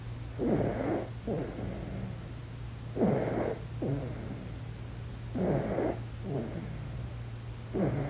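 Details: Infant in deep sleep: soft rhythmic snoring at about 12 breaths a minute, rougher on each breath in and lighter out, over steady room hum; snoring.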